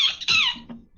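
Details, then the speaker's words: A game commentator sneezes mid-broadcast: a brief, high-pitched squeaky burst that slides downward in pitch, then a softer trailing squeak; an unusual, stifled-sounding sneeze. "in the holy hell was that sorry i was sneezing that was a sneeze yes we're gonna go with a sneeze that sounded like you were fornicating with a cat"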